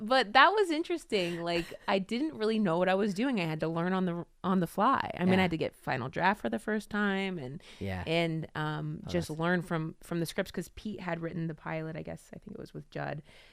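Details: Adult woman; typical speech.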